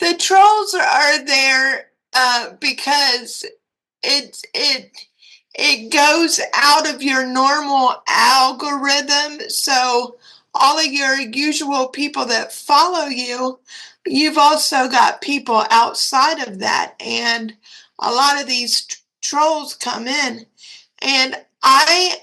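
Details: Dysarthria in a 56-year-old woman with cerebral palsy and quadriplegia; a commenter said she sounded like she was having a stroke.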